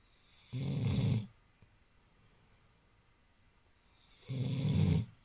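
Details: Pete, making snoring sounds while awake, which he does often: two low, rattling snore-like snorts separated by a long quiet pause in a silent room; snoring.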